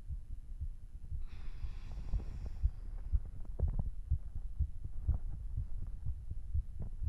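Fast, deep thumping beats at about 120 a minute with a breath noise early on; a quickened but normal heartbeat after exercise.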